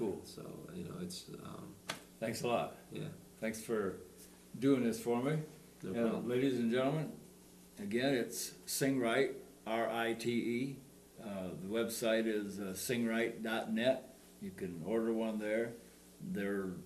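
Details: Adult man speaking; speech.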